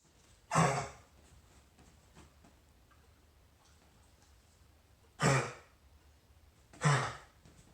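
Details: A dog gives three short, harsh coughs, one alone and then two close together, in a quiet room.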